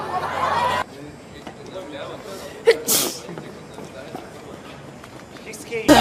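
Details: K-pop performer caught sneezing on camera: a brief inhaled gasp then a single sharp sneeze, with chatter and room noise around it; an ordinary sneeze.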